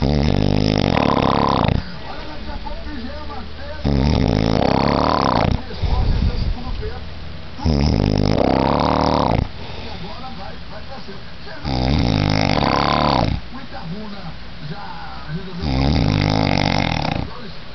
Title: roncando para matar